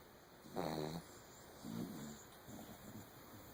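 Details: Two sleeping puppies: quiet, low grunting snores on a few breaths, against faint room hiss; snoring.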